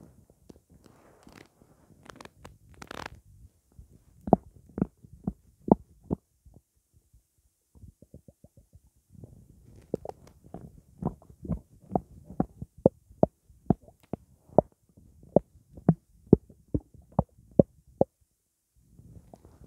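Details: Blackcurrant juice in the stomach after drinking: bursts of bubbly, irregular gurgling and sloshing from the belly with clusters of quick pops; ordinary borborygmi.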